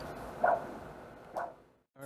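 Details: Normal lower-extremity arterial Doppler ultrasound of a normal patient, scanning the superficial femoral to popliteal artery: two sharp, rhythmic, pulsatile whooshes about a second apart.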